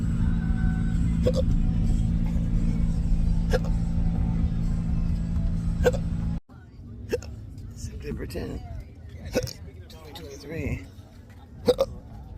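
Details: Sharp, abrupt hiccups about every two seconds, roughly 26 a minute, over steady car engine noise; persistent intractable hiccups in an adult with a long-standing debilitating condition, described as more aggressive now.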